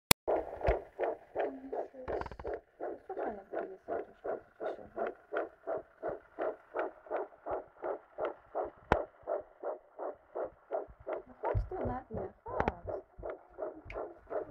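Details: Fetal heartbeat at 10 weeks of pregnancy heard on a fetal Doppler: rapid, regular whooshing pulses at about 165 beats a minute.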